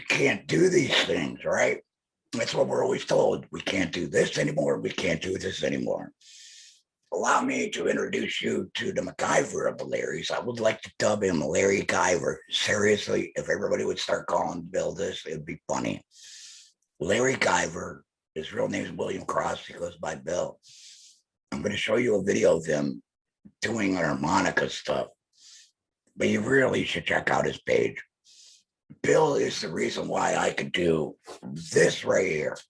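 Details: Man who implies he is a laryngectomee; alaryngeal speech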